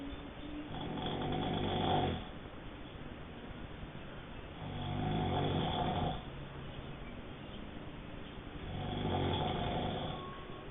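Rattling, low snores on each breath, about one every four seconds, over steady background hiss: snoring.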